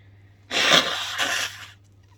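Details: Woman inducing sneezes with pepper at bedtime to clear her sinuses: one forceful, hissing sneeze burst lasting about a second over a faint steady hum.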